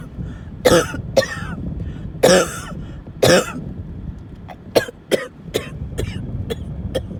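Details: Run of about a dozen harsh coughs, strong then shorter, with faint wheezy breaths between, one of repeated fits also occurring while driving; coughing fit.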